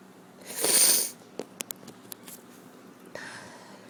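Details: Person with a cold sneezing: a single sharp, hissing burst of breath, followed by faint clicks and quiet room noise.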